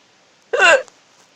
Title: hiccups in my car